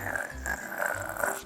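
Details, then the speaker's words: Infant playing happily (first produced at 5 months) makes low, gravelly growl-like vocal sounds, a normal stage of vocal exploration, not pain, hunger or anger; infant growling vocalization. "이런 그르렁거리는 것 같은 소리는 뭘까요? 야! 수 같은 나를 느껴, 이런 건 당연히 아니고요. 뭐 자연스럽게 애들이 낼 수 있는 소리예요."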